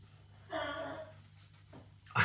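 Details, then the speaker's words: Single harsh, honking, half-second cough from a male dog, sudden enough to startle the owner, who says it is more than a cough now; low room hum. "my dog's got a cough did you hear that made me jump no and now he's it's more than a cough now"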